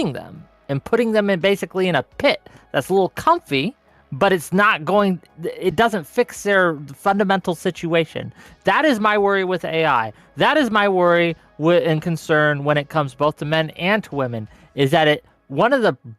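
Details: Adult speaker; normal speech.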